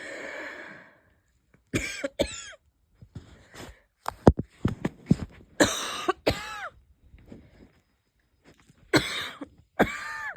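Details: Light wheezy coughs with a faint whistling edge and a couple of stifled sneezes, from a person unsure whether it is a cold starting or an asthma flare-up; wheezy cough.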